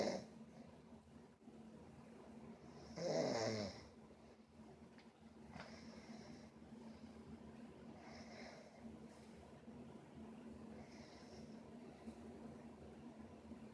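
A quiet, steady room hum with one louder rough snoring breath and a few fainter breathing sounds while asleep. Snoring.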